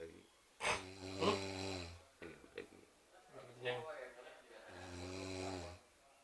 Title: Ngorok